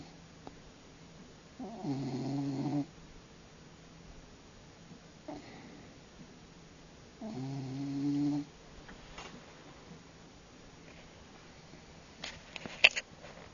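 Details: Big Friendly, an 18 lb large cat born March 2001, sleeping in someone's lap and snoring in rhythmic, buzzing bursts on each breath in a quiet room.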